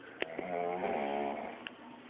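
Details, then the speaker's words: Adult man passed out drunk on a bed around 7 am, snoring: a single drawn-out, rattling, buzzy breath with faint clicks and low room noise; snoring. "look at you pass out snoring yes that's the sound of you pass out s on my [ __ ] bed"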